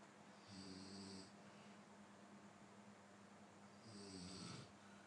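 Two low, rattling snores on breathing in, separated by quiet breathing, over steady room hum.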